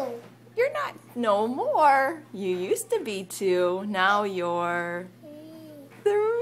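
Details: Adult woman (mother) speaking to a child; typical adult speech.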